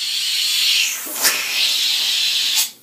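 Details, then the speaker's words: Dental high-volume suction (HVE) line newly added to an older dental unit, tested to replace the cuspidor: loud steady hissing suction with brief gurgling slurps as fluid is drawn through, clearing everything out efficiently. "all right you know what I like about this thing it clears everything out yeah it's much more efficient"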